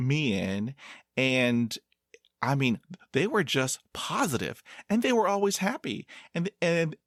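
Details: 22-year-old man who has stuttered his whole life, speaking in a podcast interview; stuttering.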